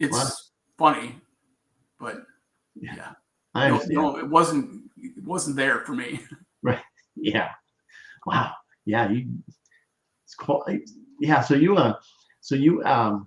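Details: Aphasia in an adult man after a traumatic brain injury from a bicycle accident about four years earlier, with coma; trouble with words, still recovering.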